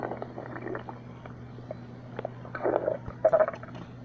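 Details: Stomach growling again: borborygmi.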